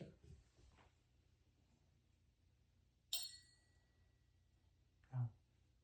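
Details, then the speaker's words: Sharp metallic strike with a brief ringing tone as a tuning fork is set on the mastoid during an ear exam for a Rinne hearing test; hearing was symmetric on both sides. "I'm going to put it on your mastoid and then um I'm going to strike it and then when you stop hearing it, let me know and I'm going to flip it over and you'll let me know if you can still hear it and then when it stops."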